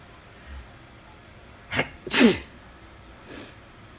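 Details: An adult in bed gives a single sneeze, a brief in-breath followed by a sharp, loud explosive burst in a quiet room, possibly triggered by the weather changing; sneeze.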